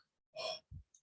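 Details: Two soft, airy blowing exhalations with a brief low puff between, a teacher's vocal imitation of the pleuritic blowing breath sound during a respiratory auscultation lesson.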